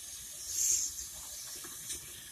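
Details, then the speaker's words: Brief hissing spray of water with a short splash as the dental water syringe rinses the mouth after a local anesthetic injection, during a root canal procedure teaching demonstration; dental water rinse. "They might even have a little blood, so we want to give them a nice rinse."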